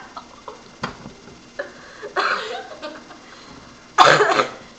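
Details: Sick person, half asleep: soft clicks and breathy sounds, then two short coughs, the last louder and harsher, in a quiet room.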